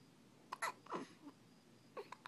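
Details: Male with frequent hiccups: a few short, abrupt vocal catches separated by quiet in a small room; hiccups.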